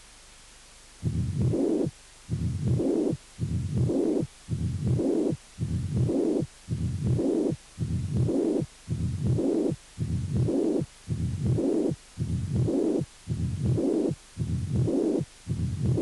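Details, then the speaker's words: Double mitral lesion (regurgitation and stenosis): regular heartbeat near 55 a minute with long murmurs filling each cycle. "doble lesión mitral"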